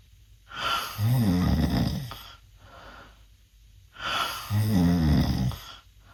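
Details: A 16-year-old male snoring with his mouth open, reportedly worse than an earlier recording: two loud, long snores with a rough, rattling low flutter on each in-breath, separated by quiet breaths out.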